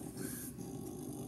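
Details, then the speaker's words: Five-month-old French Bulldog puppy that snores even with her eyes open: low, steady rattling snore, the noisy breathing of a brachycephalic breed. "this is our little five month old French Bulldog this is who this is who you can hear snoring the whole time in the last episode she snores even with her eyes opened"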